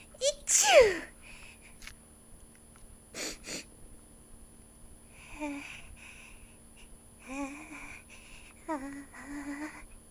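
One sharp, acted sneeze burst, then soft voiced sounds; an imitation of sneezing performed for a skit.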